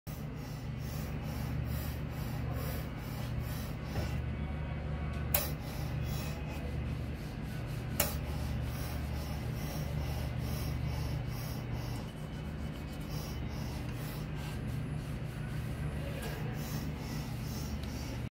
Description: This is a video to show that the AMEDA-EGNELL Ameda Egnell Compact 302100 Pump Suction is in good working condition.